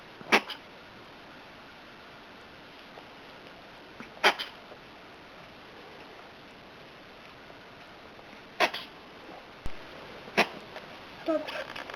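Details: Cat coughing: five short, sharp cough-like bursts a few seconds apart over quiet room noise.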